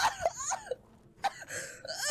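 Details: Squeaky high laughter that breaks into short coughs, coughing brought on by laughing hard.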